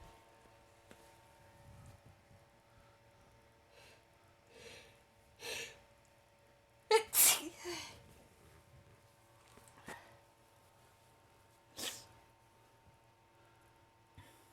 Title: Sneezing morning on the bed